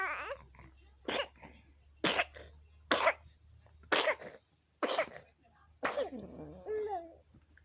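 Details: 19-week-old infant gives six short, sharp coughs between soft coos and babbling sounds while playing. Infant cough.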